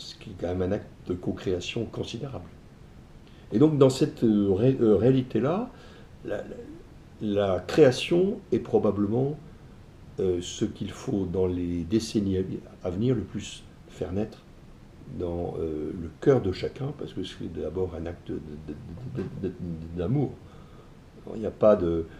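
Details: Adult man who stutters, saying it sometimes blocks him so that under strong emotion he cannot say the phrases he intends; stuttering.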